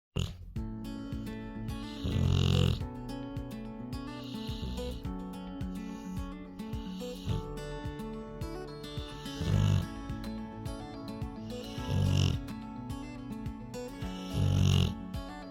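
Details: Rottweiler relaxing asleep on a red couch, recorded in real time while snoring continuously: deep, loud, grunting snores about every 2.5 seconds under background music; dog snoring.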